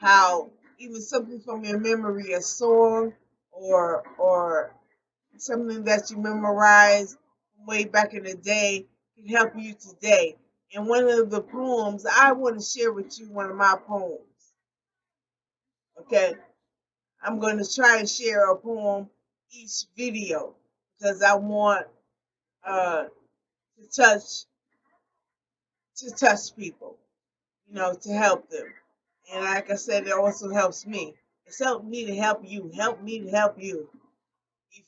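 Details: Adult woman with post-stroke aphasia, real, speaking unscripted; she says she does not always correct her word errors. Finding: aphasia.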